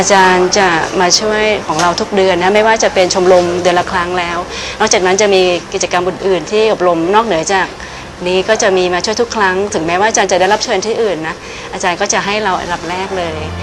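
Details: Adult woman speaking Thai; normal speech.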